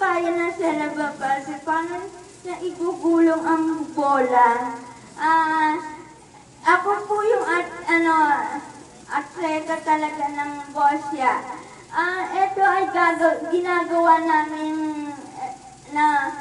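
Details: Dysarthric speech from cerebral palsy in a girl.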